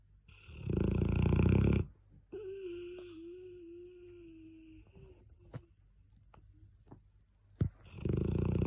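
Loud rattling snore bursts separated by quieter breaths with a faint whistle; dog snoring.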